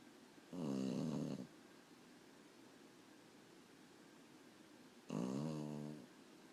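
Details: Pet dog snoring during sleep: two loud, rattling snores on breathing in, about 4.5 seconds apart (near 13 breaths a minute), in a quiet room; snoring.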